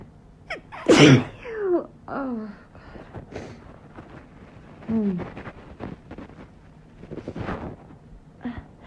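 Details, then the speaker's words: A sharp, forceful sneeze with a quick breath in before it, then softer sneezes and gasps; repeated sneezing at bedtime from a woman trying to keep her sneezes quiet, which she blames on Sponge coming in. "fill it right back oh oh my god so sneezy i know why it's because sponge came in here"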